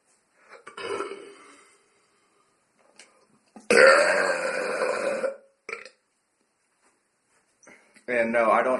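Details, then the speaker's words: Several loud, deliberate, voluntarily produced burps, one drawn out over a second, with quiet gaps; burping. "I'm going to attempt to do some louder and longer burps today let's see if I can do them there's a good one start off with"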